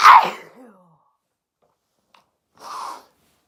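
One sharp explosive sneeze, then a quieter breathy exhale or sniff a couple of seconds later.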